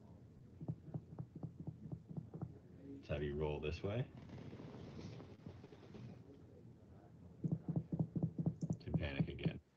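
Runs of finger-percussion taps on the abdomen, a pause with brief talk and rustling as the patient rolls, then more taps: shifting dullness from ascites.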